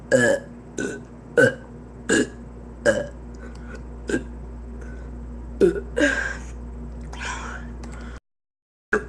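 A run of about nine short, abrupt belches over eight seconds against a steady low background hum: repeated burping.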